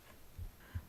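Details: Normal heartbeat recorded on the left side of the chest, presented as ASMR while a book is read aloud: a single soft lub-dub pair of low thumps with faint background hiss.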